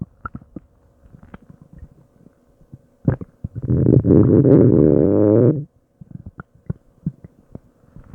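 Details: Scattered soft gurgles and pops, then a loud two-second groaning growl from a stomach struggling to digest something eaten; active bowel sounds (borborygmi) after long growling and gurgling.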